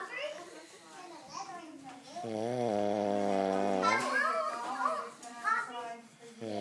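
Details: A man snoring: a single loud, droning snore stands out briefly amid higher-pitched voices and music in a small room.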